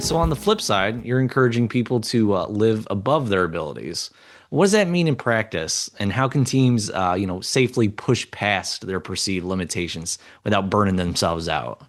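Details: Adult man; typical speech.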